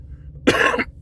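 A single short, harsh cough from an adult man against a faint low room hum; an isolated cough.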